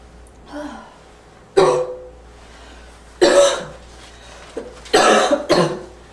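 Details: Several harsh, abrupt barking coughs from an adult, with a faint wheezy whistle in the tail of some bursts; barking cough with slight wheeze.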